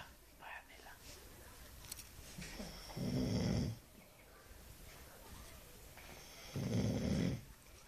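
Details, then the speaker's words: Ordinary snoring during sleep from a person who claims not to snore: loud rattling snores on the in-breath, about two in eight seconds, with faint room noise between. "después dice la gorda que no ronca"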